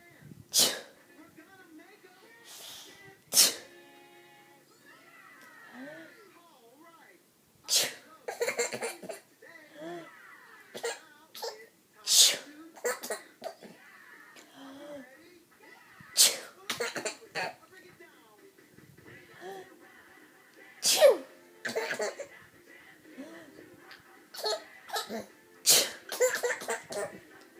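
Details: Repeated sharp adult sneezes, around nine bursts, with a child laughing at them and light background music between them: sneezing.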